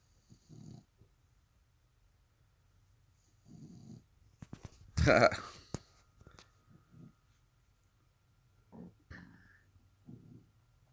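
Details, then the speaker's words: A dog's soft, low snores repeat every few seconds in a quiet room, with one louder noise midway: snoring. "can you hear the dog snoring oh"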